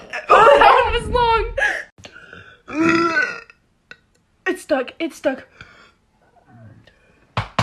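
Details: Several loud, drawn-out croaking belches in a row, some with voices between; burping.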